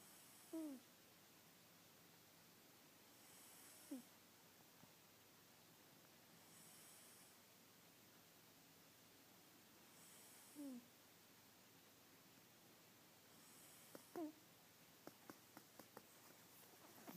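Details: Soft, quiet snoring during a Saturday nap: brief snorting sounds every few seconds with faint breathing between, over steady room noise; snoring.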